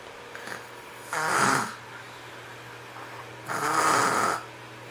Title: snoring 005.MOV